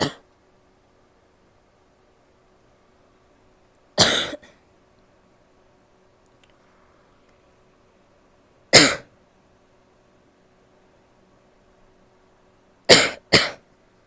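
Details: A female gives five short, harsh cough bursts with a somewhat barky quality, separated by long pauses in a quiet room; barking cough.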